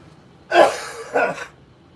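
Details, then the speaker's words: An adult who is sick while drawing on a livestream gives two harsh, throaty cough bursts. The raspy, congested cough is described as breaking up junk in the sinuses and throat; a coughing fit with throat clearing. "So I am going to go ahead and yeah, if you can hear that cough's got like that raspy cough, the cough where you're like breaking up disgusting junk inside your sinuses and throat, esophagus, all that goodies, all the good stuff, you know."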